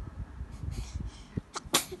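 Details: A single sharp sneeze after a short catch of breath, over low room rumble.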